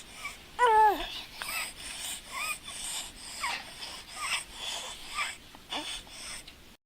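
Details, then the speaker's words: Harsh, high-pitched noisy inspiratory stridor with a squeaking musical note, from upper airway collapse on breathing in, showing difficulty breathing at the upper part. "upper airway collapse or inspiration. So notice it's difficulty breathing at the upper part."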